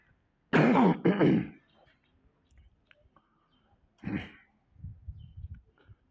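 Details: Two harsh, loud coughs, then a weaker cough and quiet throaty sounds from an adult man whose speech is interrupted by coughing; he is reportedly under medication and asks for water.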